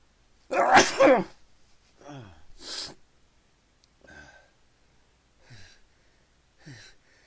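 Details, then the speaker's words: Person sneezing repeatedly after putting pepper in the nose: one loud explosive sneeze followed by quieter breathy catches and gasps as another sneeze builds. "I'm gonna sneeze again. Oh, that's gonna be. I gotta sneeze."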